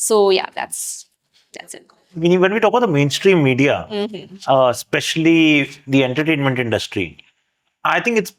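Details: Adult woman who stutters, interviewed on a podcast; she says she gets stuck and very tired when speaking, and her interviewer describes stuttering as an invisible disability; stuttering.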